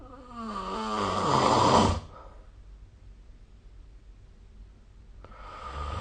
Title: 🐽 Snoring Sleep Sound